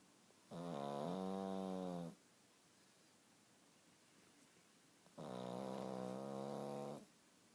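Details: Pug snoring: two long, loud, tonal snores with quiet pauses between them, each breath having a whistling, honking quality.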